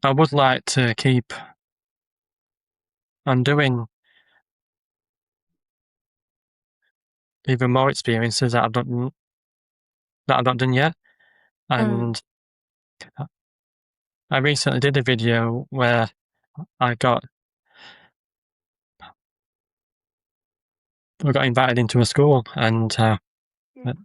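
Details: Adult man with a stammer speaking in conversation; stuttering.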